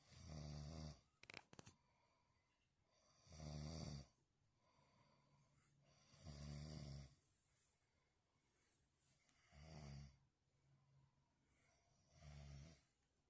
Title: said he was thinking 😏🥴#sleep #caughtoncamera #snoring